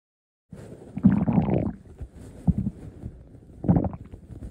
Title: Shifty Stomach Growling V2